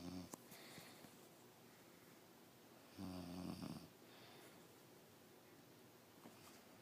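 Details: Snoring in a man who claims he doesn't snore: a loud, rattling, low snore near the start and another mid-clip, against quiet room noise.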